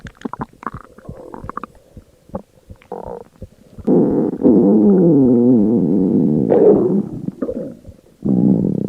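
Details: Stomach growling (borborygmi): quick bubbly gurgles, then long, low, warbling growls rising and falling in pitch.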